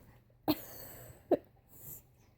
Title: Sneezing his head off!